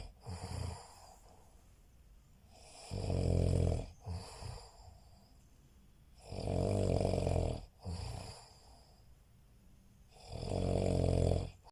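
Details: Adult man snoring during sleep: loud, regular snoring with a deep rattling snore on each breath in, about three breaths in twelve seconds, with short snorts between.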